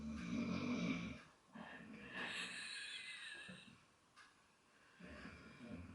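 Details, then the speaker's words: Sleeping female dog snoring in a quiet room, with rough, rattling breath sounds coming and going over several seconds. "this is the dm that's my dog snoring if you can hear her"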